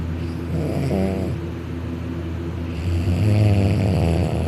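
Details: Loud, deep, rumbling snoring in steady cycles with strong low vibration, from a man napping on a couch on his back, arm over head, mouth open, drooling.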